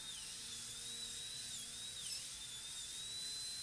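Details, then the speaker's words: High-speed dental drill cutting the lingual concavity of a maxillary canine for a PFM crown preparation on a typodont model; steady high whine, pitch dipping briefly as the bur cuts. "And then we'll use a larger football burr, which is here. To smooth these concavities and give them a more uniform shape than we can do with a small"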